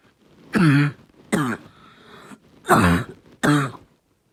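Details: Barking cough: four short, harsh, hoarse coughs with a tight barking quality.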